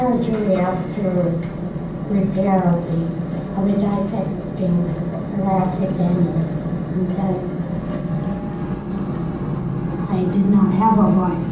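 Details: Woman with left vocal cord paralysis after repair of a dissecting aortic aneurysm, pre-operative voice before medialization laryngoplasty; vocal cord paralysis.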